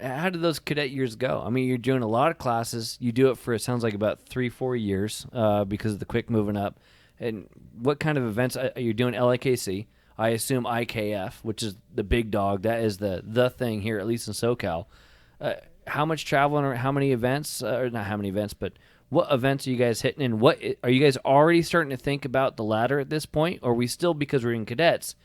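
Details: Adult man speaking; normal voice.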